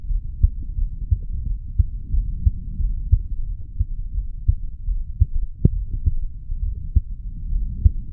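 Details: 35-year-old man's heartbeat recorded at the mitral (bicuspid) valve area after weight training, regular low thumps at roughly 90 beats a minute over a faint hum: normal rhythm, mildly quickened after exercise.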